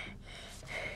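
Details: A girl lying down takes a slow, airy deep breath on request while her chest is listened to with a stethoscope: normal deep breathing.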